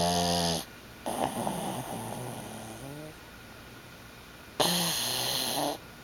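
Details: Pug snoring while asleep: loud, rough, rattling snores on inhalation separated by quiet gaps; owner remarks sleep apnea.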